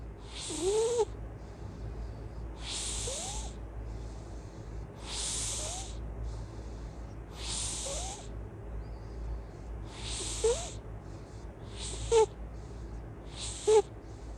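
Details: Loud snoring and breathing during sleep: regular hissing breaths with a brief squeaky whistle on each, about 38 a minute, with snorts.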